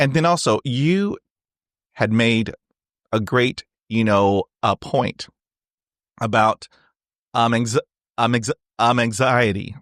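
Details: Adult man who has stuttered since age 5, with speech therapy on and off from grade school to college; finding: stuttering.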